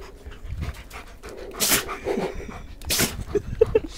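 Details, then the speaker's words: Fat female puppy sneezing repeatedly, closing one eye just before each sneeze; owner asks whether she has allergies. Two sharp, hissing bursts of air with light panting and small yips between. "she she closes one eye before she sneezes watch her eye it closes just before she sees it"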